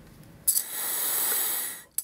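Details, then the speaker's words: Incorrect use of a deep-breathing training tool: a quick, forceful one-second puff blown out instead of a slow, sustained deep inhale and hold. "what not to do so you're just going up to it and blowing out that's not going to work"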